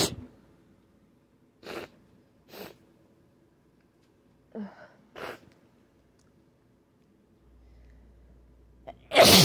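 Several sharp, explosive sneezes spaced through a quiet stretch, with a louder final burst; repeated sneezing.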